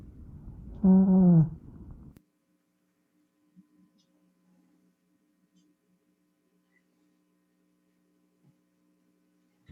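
A spoken word comes through the chest loud, booming and muffled, with no clear consonants, followed by near silence and a second onset: bronchophony.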